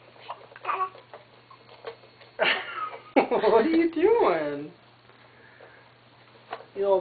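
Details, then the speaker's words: Infant girl with hiccups: brief, sharp catches with soft baby vocal sounds and an adult voice asking if she has the hiccups. "Does she have the hiccups? Yeah."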